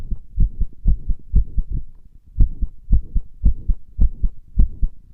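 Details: Compression heart sounds: loud, deep paired heartbeats at roughly 110 a minute, muffled and thudding as though pressed close against the chest.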